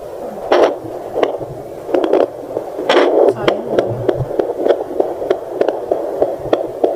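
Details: Rapid, regular whooshing pulses with probe scraping and hum, recorded on a first home try of a newly unboxed handheld prenatal Doppler: fetal heartbeat.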